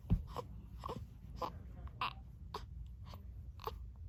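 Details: Child with hiccups: short, sharp voiced catches in quick succession, about seven in four seconds.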